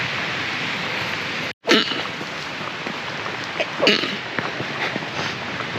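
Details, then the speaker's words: An adult woman sneezing: two short, explosive bursts of breath against a steady background hiss. "Voilà, ce que vous avez entendu, c'était ma femme qui éternuait."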